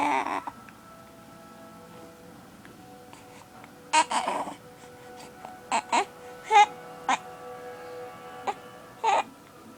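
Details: 6-week-old baby boy with hiccups, giving short fussy cries and whimpers in separate bursts over background music; infant cry.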